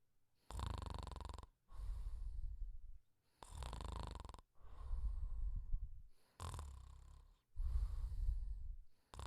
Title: The Pink Panther Snoring Quietly